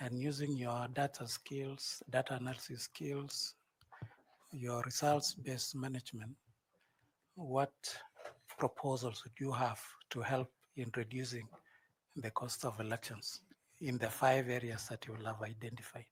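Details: Adult male speaker; normal fluent speech.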